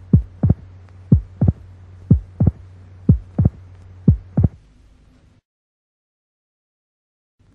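Heart sounds played at half speed: regular low paired thumps with a sharp extra sound early after the second, a mitral opening snap.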